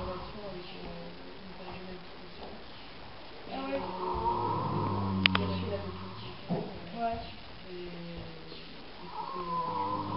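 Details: A sleeping female pet snoring: slow, tonal, buzzing breaths that rise and fall over several seconds.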